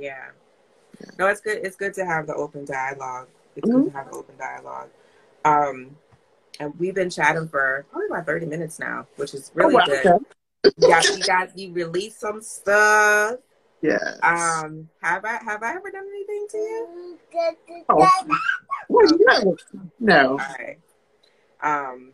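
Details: Adult speaker, conversational; typical speech.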